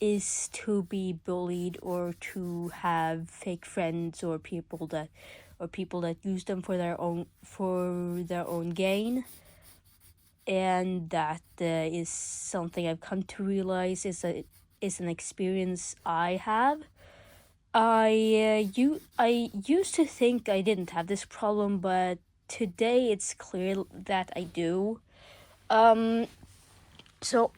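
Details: Male speaker who says he stutters a lot; stuttering.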